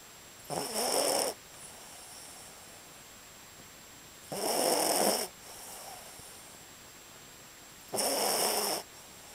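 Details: Sleeping snoring: three breathy, hissing snores about every four seconds, roughly 15 breaths a minute, with quieter exhalations between; steady snoring during sleep.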